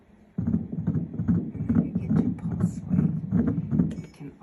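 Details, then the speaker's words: Rapid, regular whooshing pulsed-wave Doppler fetal heartbeat, pregnancy over 12 weeks, gate placed through the center of the fetal heart on a Mindray DC-70 ultrasound; measured about 149–153 beats a minute, normal rate. "if they're over 12 weeks you can use the Doppler Doppler pulse wave allows you to actually hear the baby's heartbeat for that you hit your um PW and you put the gate right through the center of the heart"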